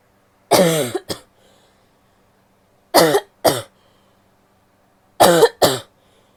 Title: coughing (f)